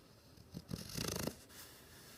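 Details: A 6-month-old American bulldog snoring while asleep: a brief, soft rattling snore, one rough breath with a wheezy edge.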